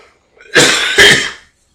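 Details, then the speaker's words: Two loud, harsh, forceful cough bursts in quick succession during a podcast recording, described as a rough cough; cough. "Jesus Christ. That sounds like a rough cough."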